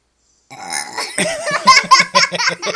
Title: Six year-old burps like a grown man